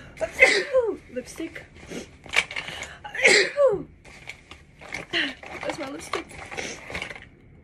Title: Sneezing after putting on makeup